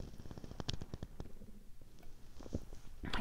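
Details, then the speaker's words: Stomach rumbling (borborygmi) in an adult who has not eaten all day, having had only Diet Coke. "is rumbling it's early and I haven't eaten and this is the only thing that I've had all day is Diet Coke"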